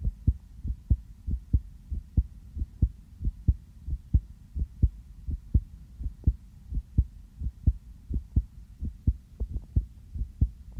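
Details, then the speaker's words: Person's own real heartbeat heard through a sensitive stethoscope, possibly slightly fast after just coming in from outside: steady low thumps at about 87 beats a minute, regular rhythm; normal heart sounds. "제가 방금 밖에 나갔다 와가지고 심장이 조금 빨리 뛸 수도 있어요. 저도 제 심장 소리를 이렇게 크게 듣는 건 처음이네요."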